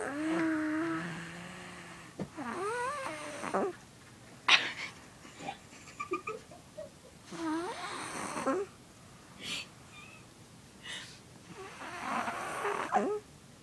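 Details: Four-year-old boy snoring loudly enough to keep others awake: noisy, whistling snores with squeaky, wavering tones and short snorts between breaths in a quiet room.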